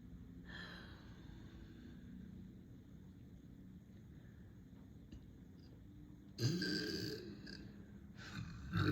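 Deep, low, drawn-out rumbling burps, with a louder burst near the end.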